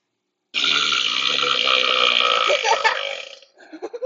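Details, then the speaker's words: A single long, loud, drawn-out belch lasting about three seconds, followed by a few faint mouth sounds; a prolonged burp. "That was long. I'll let you know when I got another one."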